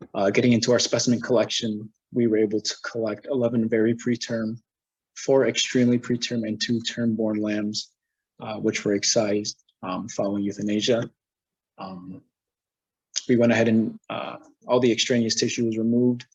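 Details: Adult male presenter; normal speech.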